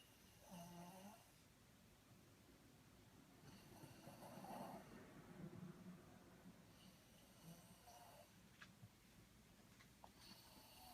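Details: Snoring with eyes open: low, rough snores recurring every few seconds against quiet room noise.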